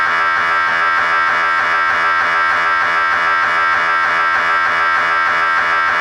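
Loud, steady buzzing drone with a rhythmic pulsing beat, typical of an MRI scanner running a sequence.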